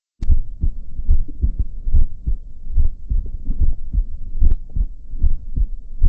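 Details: Normal heart sounds auscultated with the stethoscope diaphragm over standard areas (aortic, pulmonic, tricuspid, mitral): regular low sounds, about 73 beats a minute, in a physical exam teaching demonstration.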